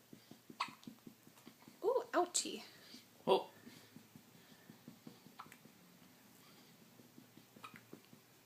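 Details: Girl with hiccups: several abrupt, short voiced catches, each followed by a sharp intake, at irregular intervals in a quiet room.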